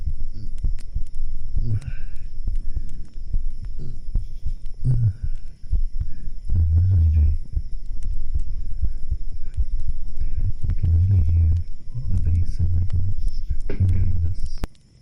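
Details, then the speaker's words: Normal heartbeat recorded during an ASMR session by a microphone held against the speaker's own chest: deep, muffled thumping through the chest wall, with a low voice rumble at times. "I wanna do some heartbeats for a little bit. I think it would be nice. You guys can hear the heartbeat."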